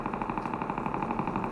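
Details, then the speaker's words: Needle EMG recording played in a lecture on foot drop and peroneal nerve injury. Fast, regular crackling ticks, likened to oil popping in a hot pan or rain on a tin roof: fibrillation potentials, abnormal spontaneous muscle fibre discharges. "소리가 요거 피브레이션 같은 경우에는 프라이팬 뜨겁게 달군데 기름 딱 넣으면 어떻게 돼요? 탁탁탁탁 소리 나죠? 그런 소리가 난다. 이런 식으로 양철 지붕에 빗방울 떨어지는 소리다."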